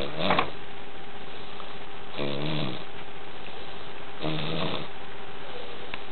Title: SNORING